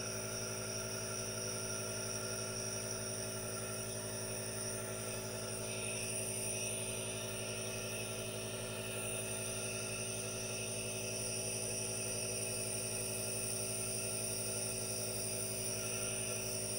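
Steady, continuous motor hum and hiss with no breaks or voices. An aerosol nebulizer running, a normal device sound.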